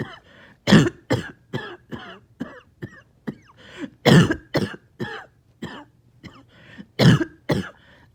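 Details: After a breathing treatment, runs of harsh, wet productive coughs with throat clearing and gagging, choking on phlegm; part of nearly 40 minutes of painful mucus clearance.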